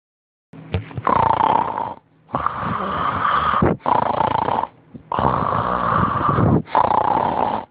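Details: Snoring: loud, harsh, rasping snores in long bursts over a second or more, separated by brief pauses.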